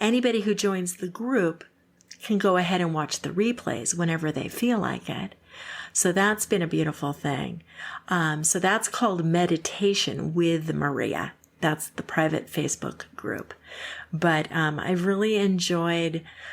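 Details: Adult woman; normal speech.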